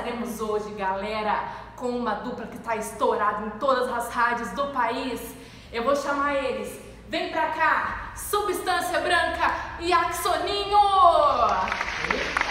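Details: Adult woman, show host; normal speech.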